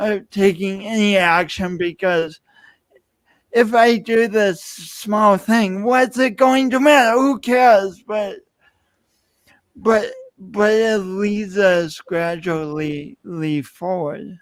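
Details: Adult man speaking; speech impediment.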